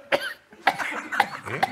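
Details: Person trying to force a sneeze gives four short, sharp cough-like bursts in under two seconds, with a throat-clearing quality: cough.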